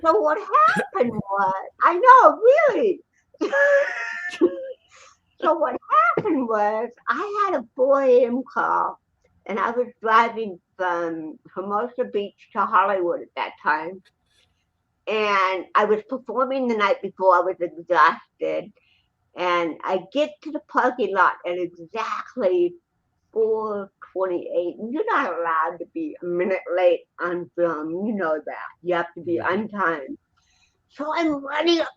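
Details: Adult woman with cerebral palsy who also has a 75% hearing loss and wears hearing aids; dysarthria (cerebral palsy).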